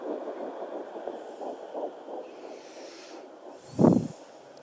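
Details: Fetal heartbeat on a Doppler at 9 weeks of pregnancy, probe low near the pubic bone: rapid, soft whooshing pulses of about 160 a minute, then a probe thump.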